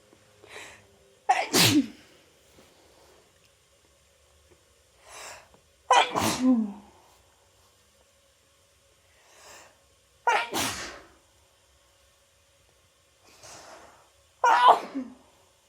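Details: Person with a cold, after holding back sneezes all day, uses chhinkni to trigger sneezing: four forceful sneezes, each preceded by a sharp inhaling gasp, about every four seconds; repeated sneezing fit.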